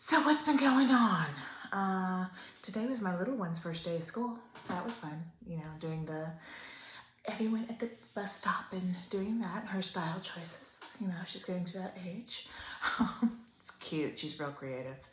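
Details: Adult woman close to 50 with upper motor neuron onset ALS, a slow progressor almost 3 years into the disease, with periods of bad spasticity and breathing difficulty; trying to talk louder; ALS dysarthria (upper motor neuron onset).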